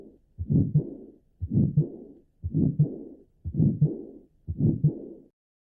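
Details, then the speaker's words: Regular heartbeat about 59 a minute, each beat followed by a loud, harsh whooshing murmur filling the cycle: a grade 6 heart murmur, audible even without a stethoscope. "y un soplo grado 6 es audible incluso sin estetoscopio"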